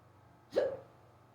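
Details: Sudden, unusually severe and rapid hiccups on waking in the morning, an episode lasting almost 20 minutes. Here, a single abrupt, short voiced hiccup against quiet room noise.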